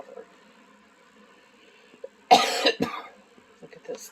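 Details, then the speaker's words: An adult who is sick with a cold and stuffed up gives one harsh cough burst with a shorter follow-up cough, then quiet room sounds. "covered sorry about all the coffee in this video but but it's nothing I can do but that and I'm sweating this cold out so something fun times"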